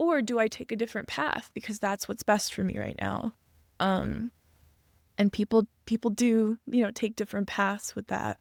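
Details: Adult female speaker; ordinary speech.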